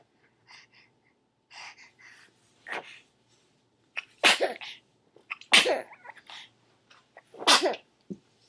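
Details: Baby sneezing: a run of short sharp sneezes, several in quick succession, with softer snuffles between them.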